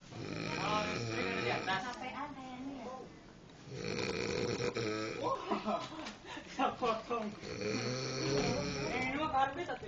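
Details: Snoring during sleep: loud, rattling snores with each breath in, alongside background room noise.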